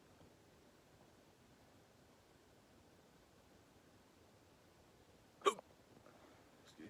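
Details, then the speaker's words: Adult man outdoors at night with hiccups: a single sharp, abrupt hiccup in otherwise quiet surroundings. "Yeah, I got the hiccups, yo. What the fuck? Excuse me."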